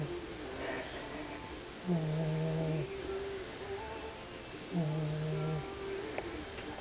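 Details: Snoring from a sleeper whose head is butted up in a corner.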